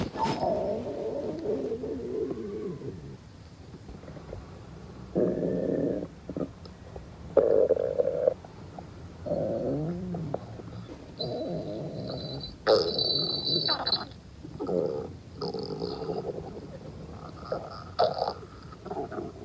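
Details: Irregular gurgling, rumbling and squeaky bubbling sounds in bursts; stomach growling (borborygmi), a normal digestive sound.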